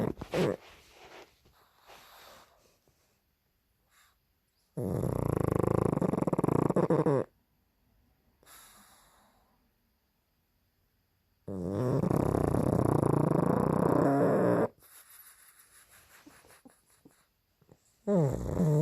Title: snoring pug barks while sleeping